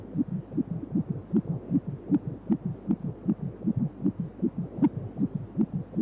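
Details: Fetal heartbeat on a 3D/4D pregnancy ultrasound scan: fast, regular whooshing pulses at about 150 per minute.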